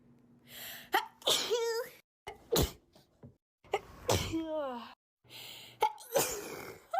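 Several sharp sneezes, each with a quick in-breath and a burst, some with a short voiced cry afterward.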